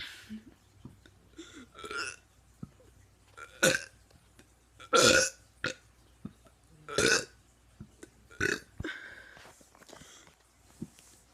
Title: Teen doing burps